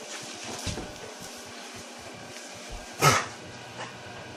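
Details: A dog gives one sharp, harsh hacking cough burst amid quiet room noise, with a couple of fainter sounds around it; hacking cough.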